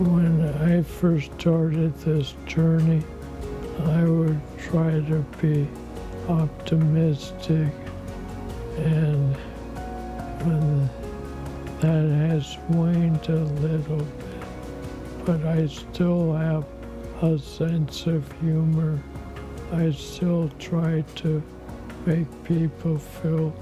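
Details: Dysarthria from ALS in an adult man diagnosed in 2019, about four years earlier; the disease has taken much of his voice and body.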